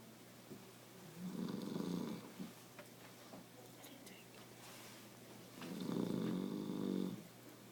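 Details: Two long, rattling snores on breathing in, about four seconds apart, with quiet breaths between, from a sleeping old man; loud snoring.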